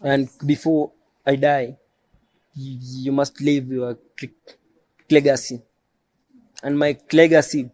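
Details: Adult male who stammers, self-described as neurological and present since birth; stuttering.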